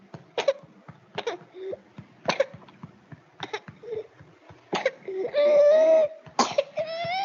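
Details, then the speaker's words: Child with paroxysmal (quintosa) cough as in whooping cough: series of sharp repeated coughs then a long high drawn-in crying breath; scant mucus brought up despite apparent secretions. "entonces logran ver este es un tipo de todos asociada a hacer quintos a tienen la mucosidad de escasa no logran ver que a pesar de que el niño pareciera que está lleno de secreciones e incluso no logra sacar tanta este saliva y son todos que son como repetitivas"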